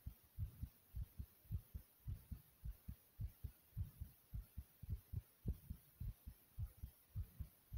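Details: Loud, pounding, regular low-thumping heartbeat at about 105 beats per minute with a faint background hum.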